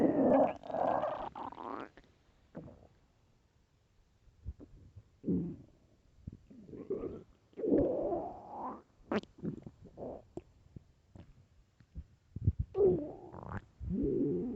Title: LOUD hungry stomach growls (headphones)